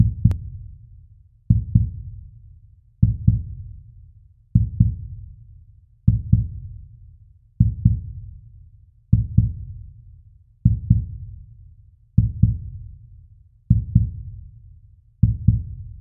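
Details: Slow heartbeat sound effect: slow, regular paired heart thumps at about 40 beats a minute.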